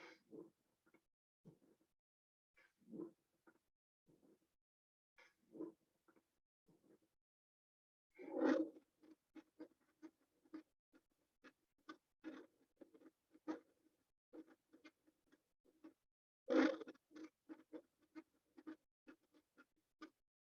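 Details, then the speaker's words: Lung auscultation: breath sounds with many brief popping clicks, abnormal crackles (rales). "aquí ya empezamos a ver los que no son normales que ya empezamos a ver lo que son los crepitantes lo civil ansia los estertores"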